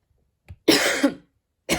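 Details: Cough while studying: a faint throat sound, then one harsh, breathy cough burst, with the start of another at the end.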